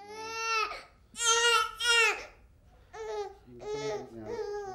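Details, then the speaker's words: A baby girl, described as a bit grumpy, gives loud rhythmic wailing cries with pauses for breath; ordinary infant crying, a normal way babies signal a need. "Crying and screaming is perfectly normal for babies – and is an important tool of self-expression."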